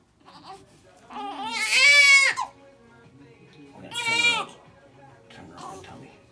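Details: 2-week-old baby girl during a chiropractic adjustment: two loud, high-pitched wailing cries followed by quieter fussing, an infant cry.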